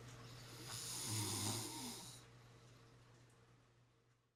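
A single rough, rattling snore on a breath in, then quiet fading room noise; ordinary snoring.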